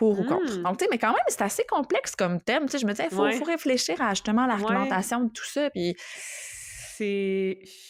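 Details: Adult woman speaking French; normal speech.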